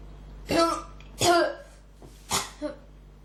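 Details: Persistent cough with throat irritation: repeated harsh bursts, three to four in quick succession, with a throaty, voiced quality.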